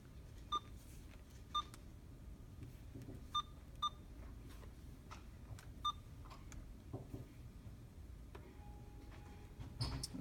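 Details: Infusion pump programmed for a secondary imipenem infusion (500 mg in 100 ml) for a 34-year-old female with fever of unknown origin and renal failure: five short electronic keypress beeps over ten seconds amid quiet room noise.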